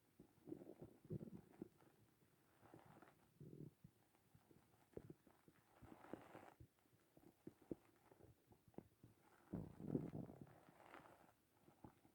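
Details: Morning hunger stomach growling: quiet low gurgles and rumbles that come and go from an empty stomach.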